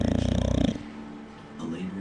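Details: Two bulldogs napping in their crates in the afternoon: a loud, rattling, pulsed snore under a second long, then quieter breathing. One keeps snoring with an eye open. Said to be softer than their usual snoring.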